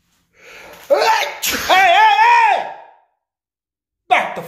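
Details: Person, who says he is Korean and blames allergies, gives a drawn-out, loud, voiced sneeze with a rising build-up, followed by speech; comedic sketch.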